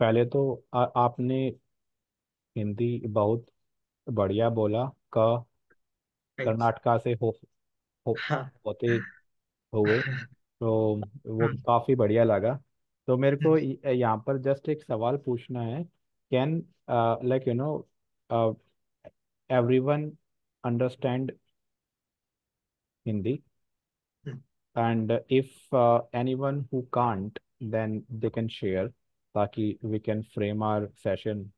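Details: Adult man who stammers, reporting fear of speaking, speaking Hindi with repetitions; stuttering.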